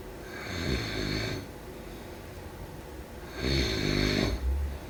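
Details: Snoring during sleep: two loud, rattling breaths with a quiet pause between them.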